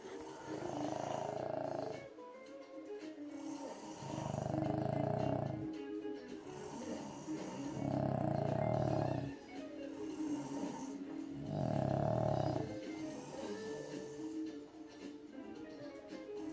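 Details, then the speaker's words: Dog or brother asleep late at night: loud, rough snores about every four seconds, roughly 15 breaths a minute, with background music: snoring. "But who snores louder? My dog? Or my brother?"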